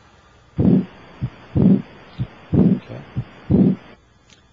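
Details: Electronic stethoscope over the aortic area, patient sitting up, leaning forward, breath held after full exhale: regular heartbeat about 60 a minute, strong S1, softer S2, no murmur; normal heart sounds.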